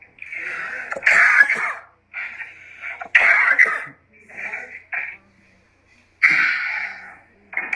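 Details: Adult man in a courtroom coughing, said to be reacting to a strong smell: several bursts of harsh, strained coughing and throat clearing with short pauses, in a quiet indoor room.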